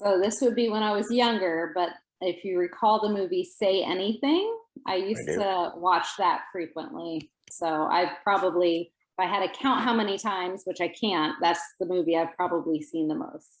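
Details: Adult woman speaking; normal speech.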